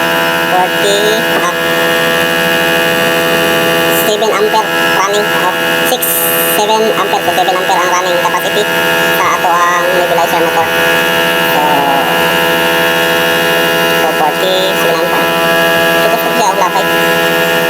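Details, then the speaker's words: Nebulizer compressor pump motor running after repair: loud, steady, even buzzing motor hum, with faint voices in the background. "So ito na guys. Okay na. Maayos na itong gumagana. So tingnan natin kung 'yung pag-pump ng motor nito is okay."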